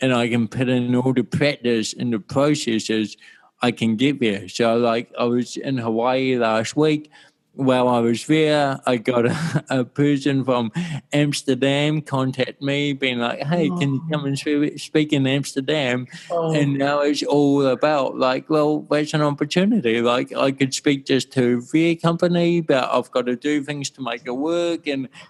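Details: Adult male with cerebral palsy since birth in 1984; his walking and talking were affected; he had daily speech therapy for his first seven years; dysarthria (cerebral palsy).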